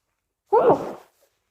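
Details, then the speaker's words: A single short, voiced sneeze burst that fades quickly, with silence before and after; a sneeze announced beforehand. "I need to sneeze again. I need to sneeze. I need to sneeze."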